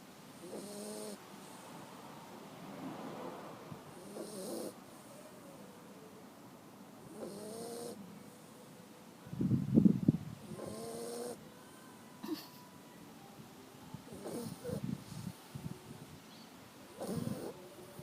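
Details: An animal snoring during a nap: soft nasal snores with squeaky whistling tones on the breaths and one louder snort midway, in a quiet room.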